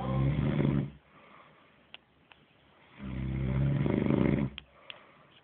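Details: Sleeping person snoring like a dog, with music in the background; snoring.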